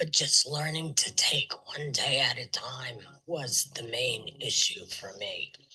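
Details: Tracheoesophageal (alaryngeal) speech with a voice prosthesis, breathing through a neck stoma, after partial laryngectomy and then total laryngectomy for recurrence.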